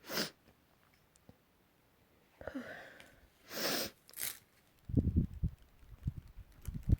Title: Last week sneezes